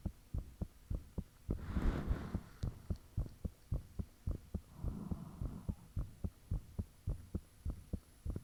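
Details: Own heartbeat recorded with the fan off, shortly after the heart began feeling thumpy: strong, pounding low thumps at about 107 a minute with brief rushing noise in places; the recorder believes valve sounds are audible.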